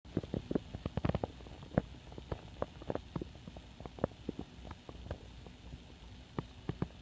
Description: Just a short recording of my empty belly growling away.